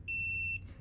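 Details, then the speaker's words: A veterinary MEMO end-tidal CO2 capnography sensor being turned off by holding down its blue button: a single, steady, high electronic beep about half a second long as it shuts down. "hear the beep and that's when it will shut down."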